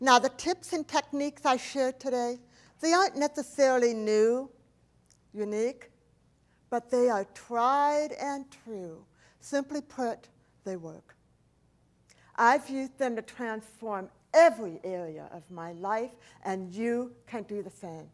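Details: Woman, profoundly hearing-impaired since age four after a 106-degree fever destroyed about two-thirds of her hearing, unable to hear s or ch sounds; deaf speech (speech of profound hearing loss).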